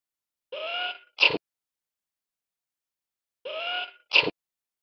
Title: Sneezing baby hippo